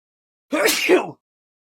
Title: All of my character’s sneezing (and new character)